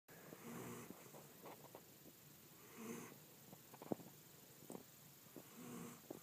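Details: Person waking from sleep while snoring and laughing, with others snoring along; three rough, low snoring breaths about every 2.5 seconds with faint clicks and room noise; ordinary snoring.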